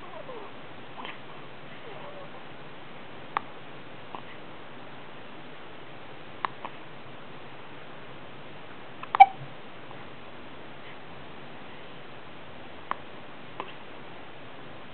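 About five brief, sharp, quiet clicks, irregular, roughly every three seconds in a quiet room: hiccups.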